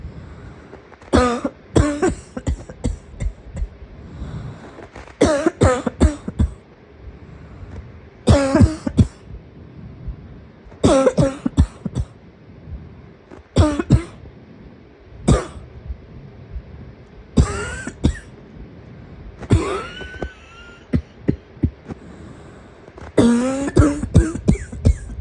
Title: A wheeze is all it takes to get it started…￼￼￼